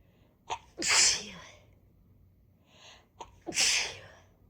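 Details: Congested person with a blocked right nostril sneezing after sniffing chhinkni snuff: two forceful sneezes, each led by a sharp indrawn breath, in a quiet room.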